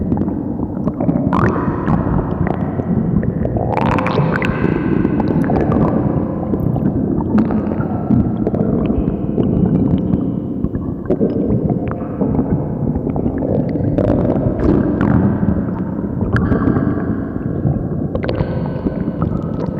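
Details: Loud, continuous deep rumbling and gurgling with squelching surges; very loud stomach growling.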